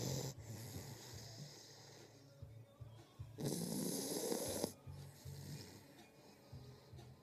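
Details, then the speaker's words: Female German shepherd/Rottweiler mix puppy (suspected), just over 2 months old, stray from shelter, asleep in owner's arms: soft low rumbling breaths with a brief louder hiss. Snoring. "Oh, finally. Someone's snoring."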